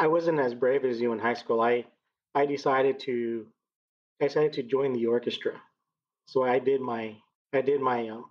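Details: 39-year-old man with lifelong stuttering and speech therapy through elementary school until 7th grade; his stutter now shows as word and phrase repetitions, which he uses to get past blocks; stuttering (word and phrase repetitions).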